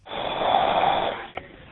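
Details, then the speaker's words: Adult 911 police dispatcher snoring while asleep on the job, heard over a telephone line during a call: one long, harsh, rattling inspiratory snore, then a brief snort. "The next day, 5 minutes of snoring until a supervisor got involved."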